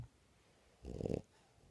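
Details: French bulldog, a flat-faced dog, snoring while awake: a single short, rattling, snorting breath; snoring-type noisy breathing.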